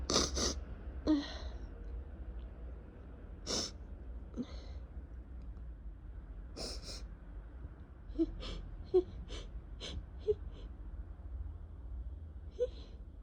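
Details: Allergy sneezing in spring, in a person with a two-week cough also attributed to allergies: a run of sharp, explosive sneezes and snorting nasal bursts with quick breaths between them, over low room hum.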